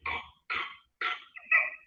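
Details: Child with pertussis (whooping cough): a paroxysm of three rapid coughs followed by a high-pitched crowing inspiratory whoop.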